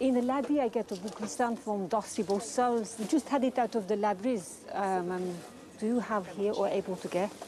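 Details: Foreign accent syndrome in an adult British woman, a native English speaker, developed over the last 2 years after cerebral vasculitis in March 2006, preceded by unintelligible speech then mutism; difficulty with sentences and long words.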